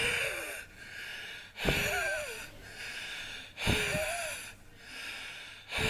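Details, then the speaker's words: Example recording of wheezing in a slightly older child with asthma: noisy, laboured breathing with high-pitched whistling and gasping breaths, about 30 a minute, from narrowed airways. "So, to try and help everybody understand what wheezing is, we've got some examples of sound clips of what squeezing sounds like. So, we'll play those now for everybody to listen. And then we've got an example of wheezing of a slightly older child which we'll play now."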